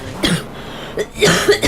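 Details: A girl's few short cough bursts with brief pauses and room noise behind; a dry cough is mentioned along with a cold that has improved a lot.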